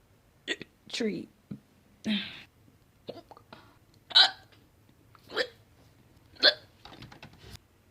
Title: Compilation of my hiccups